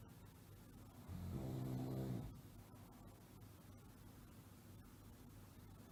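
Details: A single loud, low, rattling snore lasting about a second, then quiet low breathing, with the next snore just starting; snoring sound effect.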